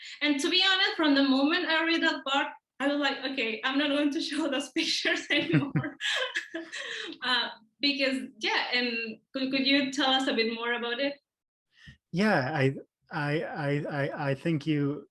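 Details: Adult man, speech therapist and professor who stutters, with audible part-word and word repetitions; stuttering.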